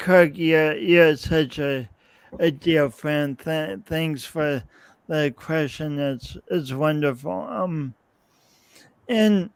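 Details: Adult man, podcast host, with his own lifelong speech impediment and coordination differences that persist despite years of practice possibly making him clearer; real, not acted; speech impediment with disfluencies.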